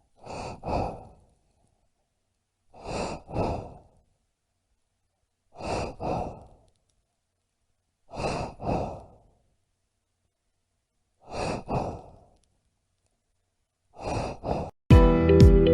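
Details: Mechanical ventilator breathing cycle from a hospital sound-effects recording: regular paired whooshing breaths, about 22 cycles a minute.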